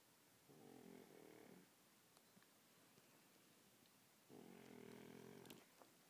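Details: Pug, a flat-faced dog, snoring during sleep: two long, buzzing, vibrating inspiratory snores separated by a quiet pause.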